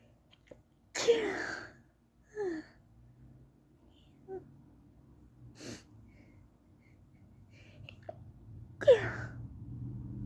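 Two high-pitched, stifled sneezes about eight seconds apart, each a short sharp burst, with a few faint breathy sounds between them.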